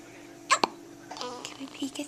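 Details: Newborn girl a few hours old with her first hiccups, sounding like a little puppy: a sharp, abrupt hiccup followed by a brief gulp, with speech around it.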